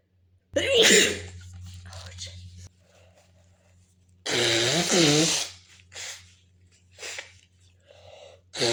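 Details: Student sneezing in a quiet classroom: two sharp, forceful sneezes, the second drawn out and voiced, with brief breaths between; sounds as loud as a bomb in the silence.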